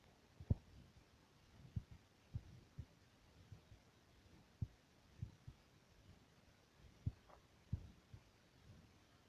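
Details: Heartbeat heard through a stethoscope: soft, low heart thumps against a quiet background hiss.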